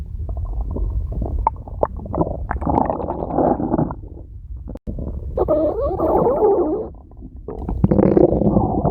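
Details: Woman's stomach growling: loud, long gurgling growls with rising and falling squeaks and bubbling pops; ordinary bowel sounds (borborygmi).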